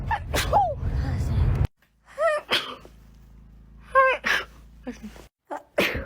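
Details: Compilation of several separate voiced sneezes from different people, sharp explosive bursts with brief gaps between them.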